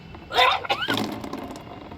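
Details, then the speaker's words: A woman performing Kunjal kriya, a yogic digestive cleanse, drinks several glasses of water and then puts her index finger in her mouth. A strained gagging heave with a rising groan and a wet gurgle follows: self-induced retching. "और जब पानी पीना खत्म हो जाएगा और index finger को मुंह में डालकर ऐसे करने से वोमित कर लेंगे"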